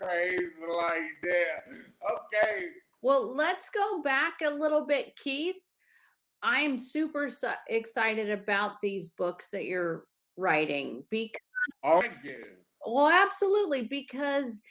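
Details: Adult speakers in conversation; plain speech.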